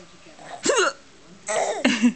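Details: Mother in a quiet room gives a few abrupt, voiced gulping catches while her child laughs at them: ordinary hiccups.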